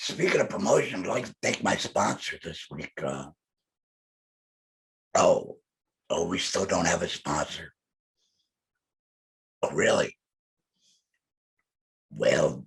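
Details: Male speaker who implies he is a laryngectomee; alaryngeal speech.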